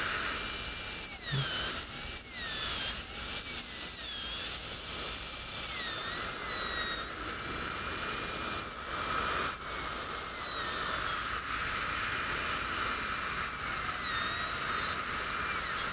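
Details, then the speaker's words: 170-L carbide bur cutting pin recesses and refining ledges on the maxillary right cuspid and central incisor abutments for a three-unit anterior bridge (congenitally missing lateral incisors; 1972). High-pitched drill whine rises and dips, with air hiss. "Now we're going to take a 170-L carbide and refine our ledges slightly and place some recesses where we're going to drill our pinholes."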